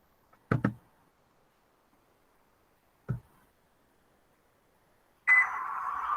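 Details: Newborn baby in respiratory distress with intercostal and xiphoid retractions: audible expiratory grunting.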